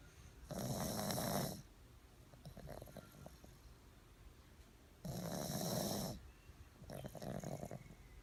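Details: Loud rattling snores on each in-breath, alternating with quieter out-breaths, about 13 breaths a minute: snoring.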